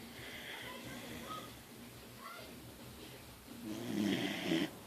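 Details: A little puppy sleeping in someone's arms gives soft, rough snoring breaths with faint whistly tones, building to a louder snore near the end.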